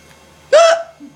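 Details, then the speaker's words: Person with bad, recurring hiccups, said to be brought on by laughing, recorded on an iPod: a single sudden, sharp voiced gulp with a brief squeak against quiet room noise; hiccup. "i have hiccups again i don't even know why i have oh yeah cause i was laughing at the editing so anyway my hiccups are pretty bad"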